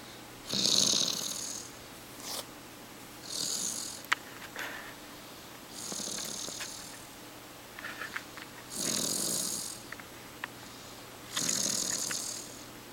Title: snores 3.31.09